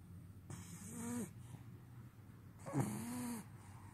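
Two slow, rattling snores on the in-breath, each about a second long, with quiet pauses between them.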